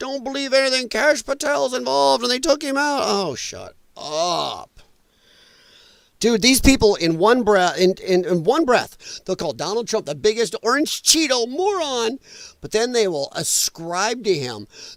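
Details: Male with dysphonia from vocal cord damage caused by infections related to his lung problem; he describes it as a disability. Finding: dysphonia.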